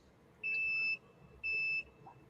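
Two high, steady electronic beeps about a second apart over faint room noise: an insulin pod alert.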